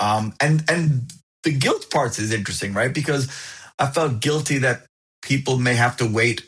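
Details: Adult who stutters and found a stuttering support group at 28, speaking in a podcast interview with audible repetitions; stuttering.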